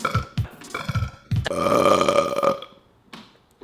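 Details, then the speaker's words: Young man's burp from a compilation: a few short throaty bursts, then one long, loud, tonal belch lasting about a second. "excuse me I believe in the right to let my burps free"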